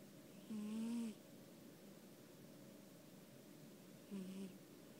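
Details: Pet cat sleeping on owner's lap: soft, buzzing snores, two breaths about three and a half seconds apart, over faint room hum; snoring.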